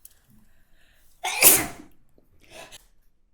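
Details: A single sharp, forceful adult sneeze with a hissing burst, followed by a soft breath in a quiet room.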